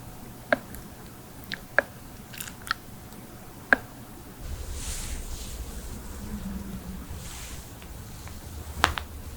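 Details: Several sharp isolated pops and clicks over quiet room noise from joint cracking compilation (knuckles, necks, toes, backs, jaws, hips, wrists): joint cavitation during adjustment, a harmless release of gas.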